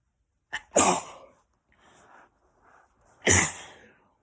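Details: Two loud sneezes from a girl, each with a sharp in-breath before the burst, and quiet breathing between them; repeated sneezing.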